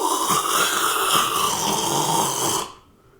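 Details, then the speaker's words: An adult man imitates a friend's loud snoring: one long, rough, rattling, chainsaw-like breath sound lasting under three seconds, then silence. "I've been I've been told that it's uh akin to the sound of a chainsaw yeah very chainsaw"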